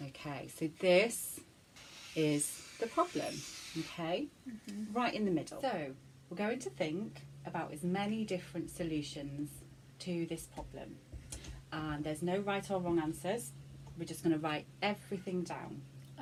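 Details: Adult woman speaking; fluent speech.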